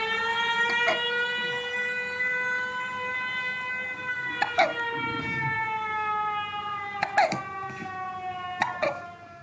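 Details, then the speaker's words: A 6-week-old baby boy has hiccups while air-raid sirens sound outside, recorded during wartime in Ukraine. "Arthur has the hiccups, and you hear the air sirens happening outside."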